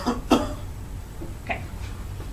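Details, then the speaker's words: Two short forced coughs, then a softer expiratory push, over steady room noise: a demonstrated manually assisted cough in which the therapist squeezes the chest during the breath hold, then presses down and in on the cough. "as I asked him to hold as he's holding I start to squeeze a little bit when I asked to turn it off then when I do a little bit more forceful down and in"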